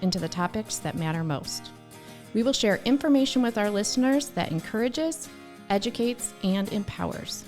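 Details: Adult woman; normal speech.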